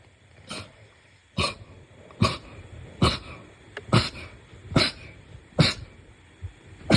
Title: sneeze 61-70